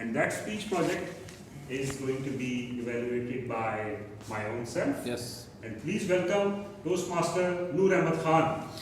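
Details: Adult male speaker; no disorder.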